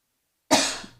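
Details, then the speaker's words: Adult recovering from a recent illness with lingering tiredness, coughing and sneezing: a single short, harsh cough after silence; cough. "Um, we just have the little remnants of kind of tiredness, coughing, sneezing,"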